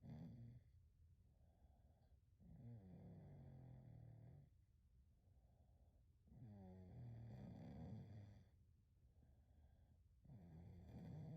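Low rattling snores on each breath, alternating with softer exhalations, about five breaths in eleven seconds; snoring during sleep.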